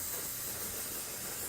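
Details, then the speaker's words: Continuous hiss of cold ethyl chloride spray on skin cleaned with saline to numb a large-joint injection site before a blue-needle corticosteroid and lignocaine injection. "I'm going to use some ethyl chloride spray just a cold spray coming them and you can see that that almost freezes the area"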